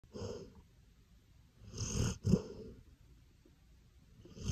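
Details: Sleeping golden retriever snoring: two rough, rattling snores on the breath in, separated by quiet breathing.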